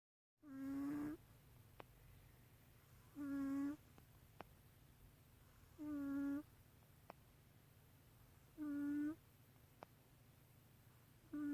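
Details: Sleeping cat snoring: regular soft, buzzy snores about every 2.7 seconds, roughly 22 a minute, over a steady low hum.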